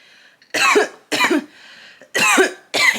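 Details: Four harsh, rasping coughs in quick succession after an adult inhales cannabis smoke while doing makeup; chaotic irritant coughing.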